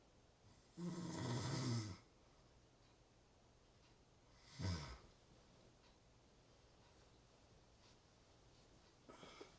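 Loud, rough snoring on the in-breath, with three snores spaced a few seconds apart over a quiet room.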